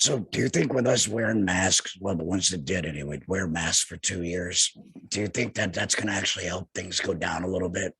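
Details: Adult male laryngectomee, total laryngectomy in 2020, speaking without a larynx; alaryngeal speech after total laryngectomy.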